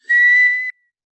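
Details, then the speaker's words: Imitation of an inspiratory wheeze (sibilance): a brief steady whistled tone, mimicking the musical sound of narrowed airways, which comes from inside the chest rather than the mouth. "Es un sonido parecido a ese, pero viene desde adentro, no es de la boca."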